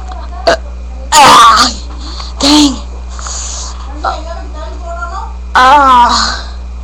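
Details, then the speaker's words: Young male doing deliberate big burps, sweating, complaining of air in his stomach: several loud, throaty belches in a short run over a steady background hum. "Dude, I'm going to do the biggest burp ever I ever done in history."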